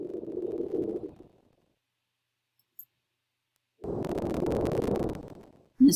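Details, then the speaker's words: Patient in a virtual comprehensive assessment, auscultated posteriorly in all fields with symmetrical chest expansion: clear normal breath sounds; crackle-like noises come from the recorder, not the respirations. "has symmetrical expansion on inspiration and exploration breast sounds are cleared auscultation in all fields posteriorly entirely your chest is symmetrical"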